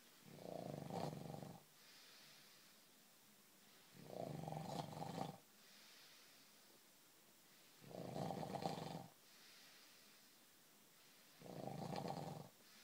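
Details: Man who denies snoring: loud, rough inhaled snores about every four seconds, roughly 15 a minute, with quiet exhalations between; snoring.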